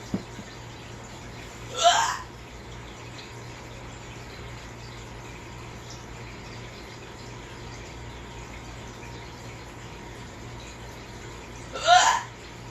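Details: Two sharp, loud hiccups about ten seconds apart over steady room hum; the person says they hurt and can't stop them: loud hiccups.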